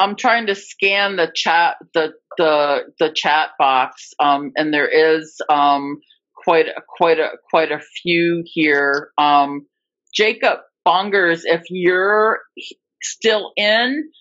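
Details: Adult woman who stutters, real speech, formerly a covert stutterer for more than 30-35 years; repetitions of words and part-words; stuttering.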